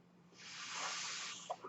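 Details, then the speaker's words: Soft steady rushing hiss swelling and fading over about a second: a home mechanical ventilator breath from the podcast speaker's own ventilator. "my name is that noise you're he's my ventilator thank you so much for joining in the beige Turner's"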